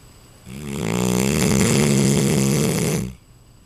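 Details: Neapolitan Mastiff, a little over a year old, snoring loudly in sleep: one long, loud, rattling inhaled snore of about 2.5 seconds with a coarse vibrating low buzz.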